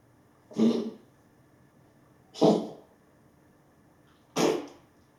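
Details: Dog coughing: three separate short, harsh coughs about two seconds apart in a quiet room.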